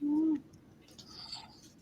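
A single short, hooting, owl-like tone followed by faint soft breathy noise, a cat's snore.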